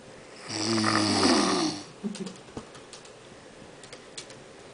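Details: Man who claims he never snores, filmed snoring: one long, loud, rough snore on the in-breath, then quiet breathing.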